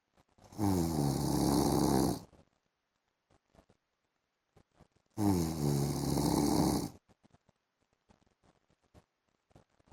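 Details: A husband snoring while asleep in the afternoon: two loud, rough snores on inhaling, each about one and a half seconds, separated by quiet pauses with faint room sounds.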